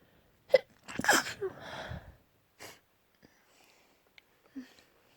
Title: Sneeze fit. (Trying to be cute lol)